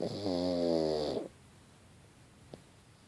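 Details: Pug asleep, snoring: one loud, buzzing, tonal snore on an in-breath, followed by quiet; snoring in a sleeping flat-faced dog.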